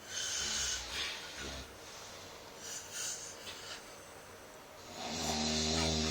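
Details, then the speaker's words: Several people snoring at 3 a.m. in an office drivers' room: noisy, breathy snoring with rasping inhalations and snorts, ending in a louder rough snore. "Okay, it's 3 o'clock and there's a snoring competition going on in the driver's room. Let's go check it out."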